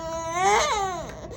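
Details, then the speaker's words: A single strained, wailing cry that rises in pitch and then falls away: a 2-month-old baby boy crying after his first vaccinations, including rotavirus, at his checkup, settling quickly. "okay he done crying already he's done look oh okay it's okay buddy he's okay"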